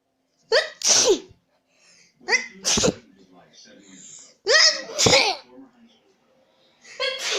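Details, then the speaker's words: Demonstrated "infinity sneeze" following double and triple sneezes: a run of about four voiced sneezes in quick succession, each a rising in-breath then an explosive burst. "The double sneeze. The triple sneeze. The infinity sneeze."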